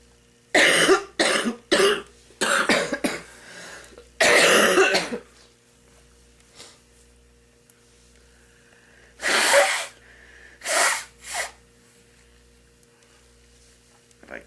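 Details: An older woman who smokes has two bouts of harsh coughing fits, clearing mucus from her lungs before her first cigarette; productive smoker's cough.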